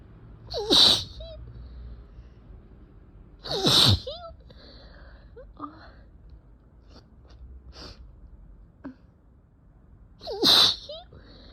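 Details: Person with cat allergy and allergic rhinitis, with a very sore throat, eyes barely able to open and a badly tickling nose: three loud, explosive sneezes with sniffles between them in a quiet room. Repeated allergic sneezing.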